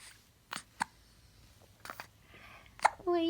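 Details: Infant girl: several short, abrupt hiccup bursts in a quiet room, followed by an adult voice; hiccups.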